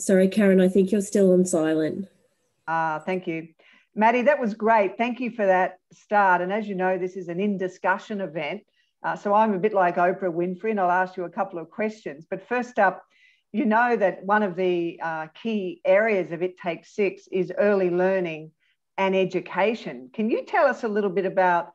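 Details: Adult speaker; typical speech.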